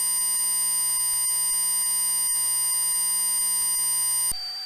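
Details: Simulated tinnitus for a hearing test: steady, loud, high-pitched electronic ringing with layered tones.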